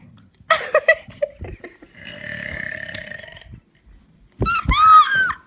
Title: My friend is burping